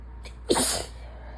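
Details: Person with a sinus infection sneezing: one forceful sneeze with a brief indrawn breath before it.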